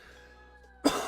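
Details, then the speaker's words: Lingering cough in an adult recovering from illness, easing each day but persisting; occurs while speaking during a live stream. "as you can hear I still have the cough it gets lesser every day but it lingers"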